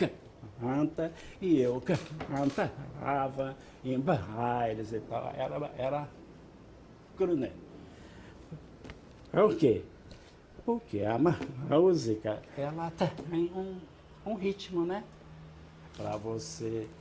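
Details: Stuttering, a speech fluency disorder, in an older Brazilian Portuguese-speaking man whose speech shows many disruptions, though he sings fluently.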